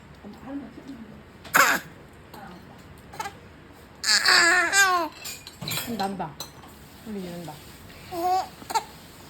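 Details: A 4-month-old baby's short high squeals and babbling between quiet gaps over room noise; ordinary infant vocal play.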